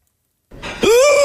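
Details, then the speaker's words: Adult woman's hiccup, recorded at home at night: a single loud, drawn-out voiced hiccup, rising and strained, like gasping for air; she says hiccuping hurts. "oh my God it sounds like you're gasping for air and like nobody in your family cares what yes what's that what's that that's that sounds painful does it hurt when you hiccup it hurts"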